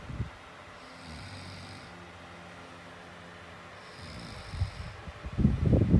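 Low droning snore on a long in-breath, followed by quieter rumbling and breath noise; ordinary snoring in sleep.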